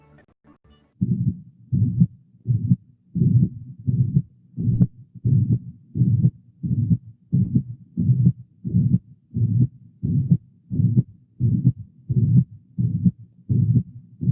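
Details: Aortic stenosis murmur.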